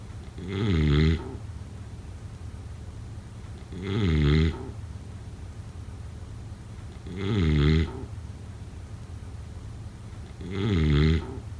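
Regular fluttering, throaty snores on each breath in, about 18 breaths a minute, with faint room hum. Steady snoring in sleep.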